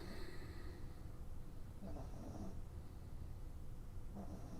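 Two soft, rough snoring breaths rise over a steady low room hum, from a sleeping animal; ordinary snoring.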